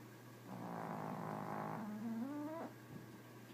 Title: Snoring chihuahua